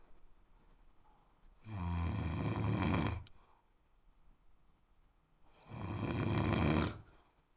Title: (Royalty Free) Snoring Sound Effect No001 for Content Creators